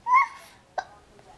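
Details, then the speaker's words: Young child with hiccups: a short voiced gulp, then a brief sharp catch in the breath, after which an adult says "excuse you, you have the hiccups." "Oh, excuse you. You have the hiccups."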